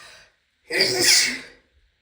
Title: after shower sneezes (F)